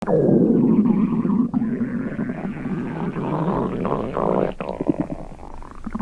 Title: Stomach Growl